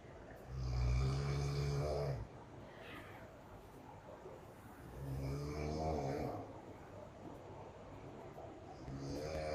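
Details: Loud, low, rattling snores on each breath in, about 14 a minute, with quieter breathing out between; loud snoring on holiday.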